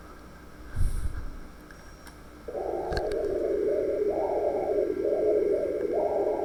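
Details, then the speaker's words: Hepatic vein Doppler in a patient with liver cirrhosis, continuous gently wavering whoosh without distinct systolic or diastolic components, atrial contraction barely identifiable: dampened monophasic hepatic vein flow. "vemos el espectro y vemos que no este no identificamos tampoco ni un componentes histórico ni un componente diastólico no a duras penas también podemos identificar la contracción auricular"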